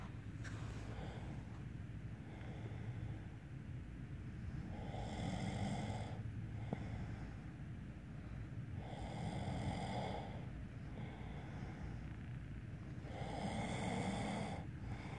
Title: My boyfriend snoring like a Flying Bison from Avatar the last Airbender